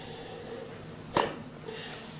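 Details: Single sharp crack against quiet room noise during a mid-back chiropractic thrust, with deep breath and exhale, at the upper thoracic spine (T2–T3 level); joint cavitation.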